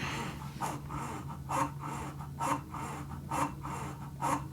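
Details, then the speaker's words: Medela Symphony hospital-grade breast pump in expression mode, suction auto-advancing from level 4 to 5 to 6 after the 2-minute mark (16 levels); steady motor hum with rhythmic longer, stronger suction whooshes about one a second. "it actually came in on level 4 in expression mode, bumped pretty quickly up to 5, and now it's settling into 6."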